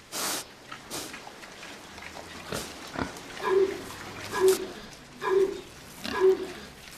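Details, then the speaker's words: Pig on an organic farm coughing: several short, harsh coughing bursts mixed with low grunts. "On entend tousser un cochon. Ils attrapent des rhumes comme nous."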